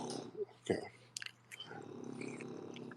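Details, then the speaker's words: A sleeping female dog snoring: steady low, rumbling, buzzing breath noise, briefly broken by a few clicks and soft sounds; ordinary dog snoring. "I know y'all hear my dogs snoring over here my dog snoring like a big [ __ ] just sitting here snoring Lulu"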